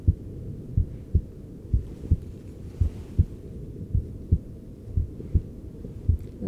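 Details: Adult male's heart sounds via a handheld device, sitting before upper-face anti-wrinkle injections as he starts to get anxious; steady paired lub-dub heartbeats at about 55 a minute: normal heart sounds.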